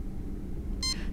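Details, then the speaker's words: Single short high chirp over low room rumble from a CADD Prizm infusion pump on inserting the 9-volt battery, confirming correct insertion; normal power-on signal before automatic review of pre-programmed infusion settings. "know you have inserted it correctly when the pump chirps"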